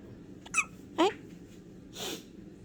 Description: his eyes are open.... and now gots the hiccups!